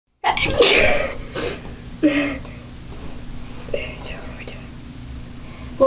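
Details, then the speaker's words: Sneezing self-induced by wiggling bobby pins clipped in the nose: a few sharp, explosive sneeze bursts followed by quieter breathy sounds and soft voices in a small room. "we're doing is we're making ourselves sneeze by putting bobby pins up our nose. And what you do is you clip it on your nose and then you wiggle it around a little bit and it makes you sneeze."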